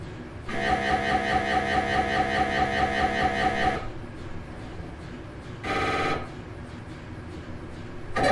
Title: An MRI machine, but with subtitles